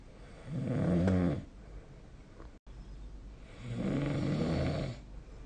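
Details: Adult sleeper snoring, recorded with the SnoreLab snoring app: two deep, rumbling snores on the in-breath, each lasting about a second and a half.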